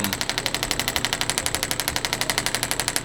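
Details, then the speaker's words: Radial shockwave therapy on the left knee of an adult male triathlete: steady, sharp, rapid tapping pulses at about four a second while intensity is raised toward a target of 4–6/10; patient reports 5. "the intensity of it should float between four and six out of 10"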